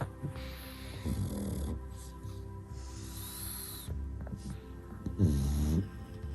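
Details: Sleeping pugs snoring: low, rattling, snorting breaths with a few louder snorts, under background music; snoring.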